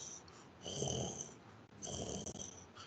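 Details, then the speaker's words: Veterinary pharmacology lecturer imitating coarse crackles by mouth: two rough, gurgling, snore-like noises, air passing through very viscous secretions in the airways as in bacterial bronchopneumonia. "Isso é o que a gente chama de uma crepitação grossa ou estertor, né? Então está relacionado esse ruído à passagem do ar por um local que tenha muita secreção e uma secreção muito viscosa."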